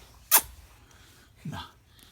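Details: Single sharp hissing sneeze followed by a brief voiced sound in a quiet room, with an adult nearby talking to a child addressed as 'beta'; sneezing.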